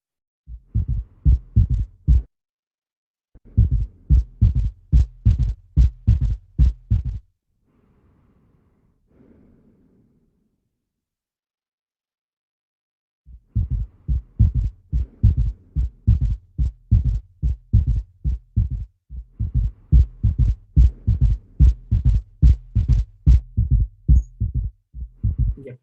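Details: Heart-failure clinical case with bibasal crackles: low, regular heart sounds in groups of three, the same in all cardiac auscultation areas. This is a gallop rhythm from an added third or fourth heart sound.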